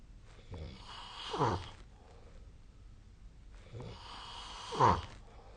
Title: Snoring Sleep Sound 2025/02/23